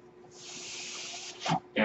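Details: Steady airy hiss of a delivered breath lasting about a second, then short louder bursts, from the speaker's own mechanical ventilator heard during a podcast; mechanical ventilator breathing cycle.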